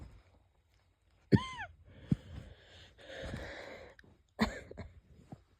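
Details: Light coughs and stifled sneezes with a faint whistling wheeze between them, from a person unsure whether they are catching a cold or having an asthma flare-up; wheezy cough.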